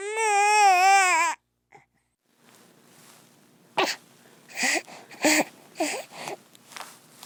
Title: Baby Crying Sound Effects